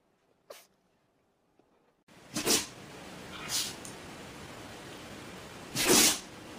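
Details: A dog sneezing: a faint sneeze first, then a few sharp, explosive nasal bursts with quiet room noise between, from a sneezing-animals compilation.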